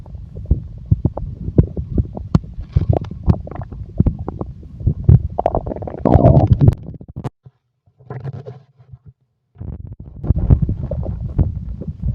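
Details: Stomach growling: long, loud, low rumbling and gurgling, a brief pause, then more rumbling.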